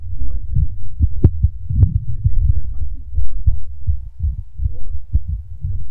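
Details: Rapid, regular low thumps of a male's fast heartbeat picked up by a microphone, with a faint hum.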